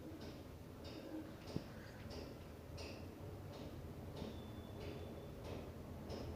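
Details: Pet's soft, regular click-like hiccups, about ten in six seconds (roughly 90 per minute), in a quiet room.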